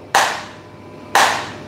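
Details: Extracorporeal shock wave lithotripsy of a kidney stone in a 41-year-old man, ultrasound-guided, on 22/6/2022: two sharp, loud snapping pops about one second apart; shock wave pulses.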